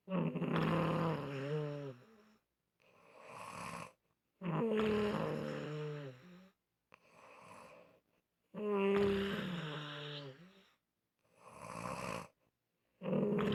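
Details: Loud, unusual snoring: drawn-out, moaning, almost voiced breaths that shift in pitch, alternating with breathy exhales, about 14 cycles a minute.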